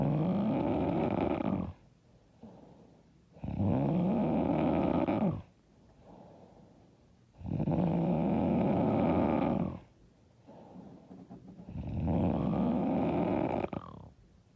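Loud, harsh, rattling snores on each breath in, about four breaths in fifteen seconds with quieter breaths out: heavy snoring.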